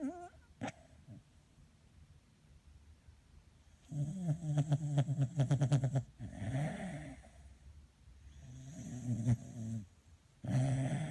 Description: Each morning she comes in to our bed to say hello then falls asleep and has a snore.